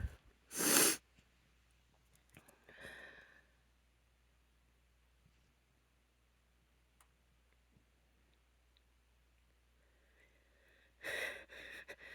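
Several forceful sneezes: one loud burst at the start, a softer one, then a quick cluster near the end. Repeated allergy sneezing, quiet room.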